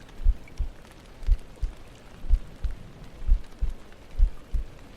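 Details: ASMR heartbeat trigger: soft, regular low double thumps, about 60 a minute, over gentle rain-like noise; a steady heartbeat.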